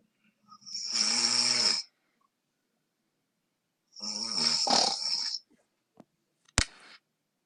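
Two loud, harsh rattling snores with a low buzzing tone, followed by a sharp click; typical snoring.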